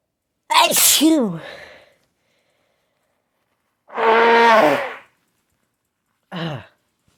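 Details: Three loud, sharp sneezes, each a sudden forceful burst of air and voice separated by pauses, in a recording that alternates sneezing with nose-blowing.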